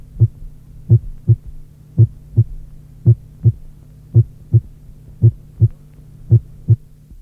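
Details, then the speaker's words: Simulated heartbeat about 55/min with PR interval of 0.12 seconds: sharp, loud first heart sound, louder than the second sound. "On observe habituellement que, lorsque l’intervalle PR est de 0,12 seconde, le premier bruit cardiaque est sec et plus intense que le deuxième bruit : figure 3."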